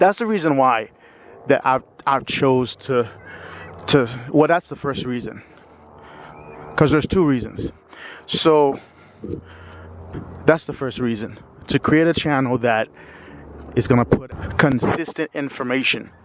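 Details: Stuttering in a 45-year-old man who has stuttered all his life and considers himself not a fluent person despite periods of fluency.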